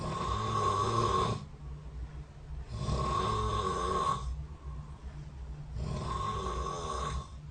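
Three loud, rough snores at regular intervals, about 24 breaths a minute, with quieter pauses between; ordinary adult snoring in sleep.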